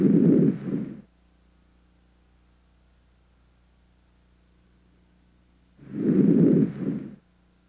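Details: Examiner auscultating the anterior chest with a stethoscope: two soft breaths separated by a long quiet pause; normal breath sounds.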